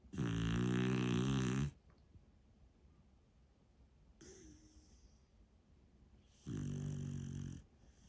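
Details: Beagle snoring in a home office: two loud, rattling snores, each lasting over a second, separated by quiet pauses; snoring during sleep.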